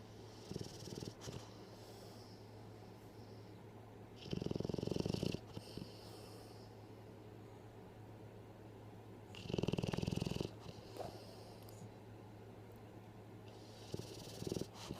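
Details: Snoring in sleep: soft snorting snores about every five seconds, roughly 12 breaths a minute, over a steady background hum; snoring.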